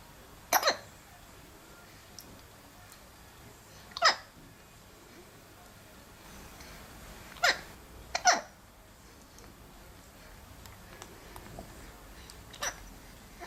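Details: Baby boy who often has hiccups: five brief, sharp, catching hiccups a few seconds apart over quiet room noise; infant hiccups.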